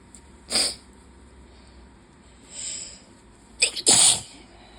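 A sharp sneeze, a faint sniff, then two quick sneezes in a row; repeated sneezing from allergy with high pollen.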